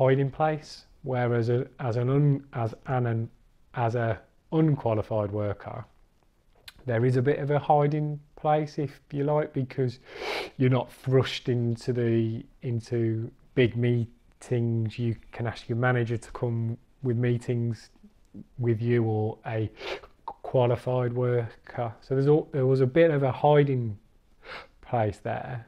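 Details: Adult man, a recovering stammerer who has completed the Starfish stammering course, speaking with stuttering (stammering).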